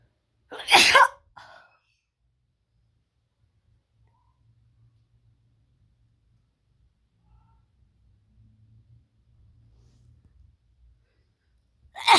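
One sharp, explosive sneeze, then a long quiet stretch and the start of another sneeze at the end.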